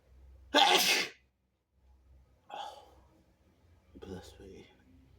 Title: laying bed sneezes (he/they)